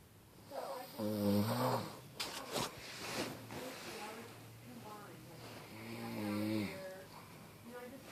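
Two loud, low, throaty snores with a snort between them, each with a groaning, voiced quality.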